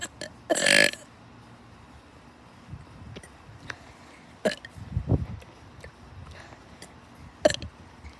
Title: What you have all been waiting for,Burping part 6!! Hope u enjoy!😁😁